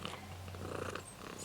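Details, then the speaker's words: Cat with loud, rough, snuffly congested-nose breathing (stertor), persisting after a poorly healed coryza (cat flu) infection affecting the nose and sometimes eyes. "Céleste elle a eu le coryza. C'est un virus, bactérie, j'en sais rien. C'est un truc qui touche le nez en fait."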